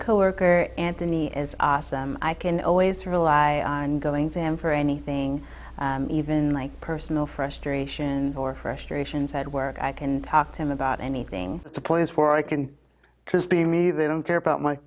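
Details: Adult woman speaking; typical speech.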